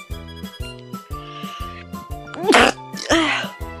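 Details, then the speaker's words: Young Asian woman with a runny nose after crouching, sneezing repeatedly ("like a sneeze livestream"); two sharp, breathy sneezes over loud background music; sneezing. "我打了几个喷嚏，我打了好多个喷嚏，真的跟喷嚏直播一样。"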